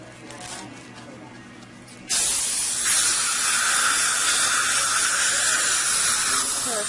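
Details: Soft room noise, then a steady loud hiss of dental water and air spray rinsing while a replacement bridge on the upper left is adjusted; patient had a loose, roughly 12-year-old bridge with a hidden root infection.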